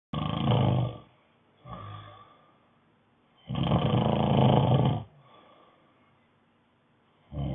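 Loud, rough, rattling snores on each breath in, with softer breaths out between; heavy snoring.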